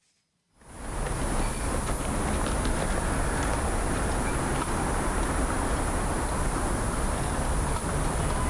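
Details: Simulation of stress-induced sudden sensorineural hearing loss in the left ear of a singer-producer: city street with cars and chatter sounds dull and muffled, with only loudness distinguishable and no clear detail.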